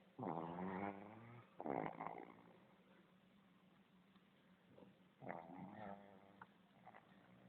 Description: Pugs are very noisy snorers!